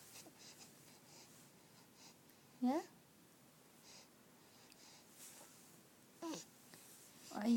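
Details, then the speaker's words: A baby has repeated hiccups: three brief, abrupt voiced catches at irregular intervals against quiet room noise. "doing oops hiccups again hey pickups irritating right"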